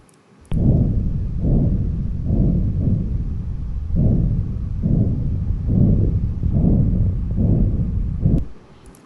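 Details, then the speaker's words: Auscultation over an arteriovenous fistula, presented in a lecture on CKD and glomerular diseases: a rough, low, pulsatile to-and-fro whooshing murmur rising and falling with each beat, about 69 per minute. AV fistula bruit. "इस तरह का मरमर जो to and fro होता है, जो pulsatile होता है, वो एवी फिस्टुलास के ऊपर सुनाई देता है।"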